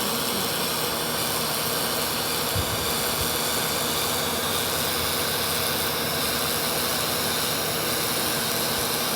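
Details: Deep fractional CO2 laser (DeepFX) resurfacing of a patient's face for irregular cobblestone acne scarring: steady, loud hissing, rushing noise of the laser with smoke extraction running.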